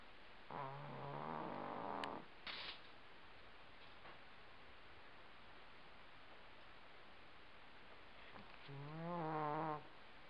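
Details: Sleeping indoor housecat snoring loudly: two long, low, buzzing breaths with a rising wavering pitch separated by quiet pauses; snoring.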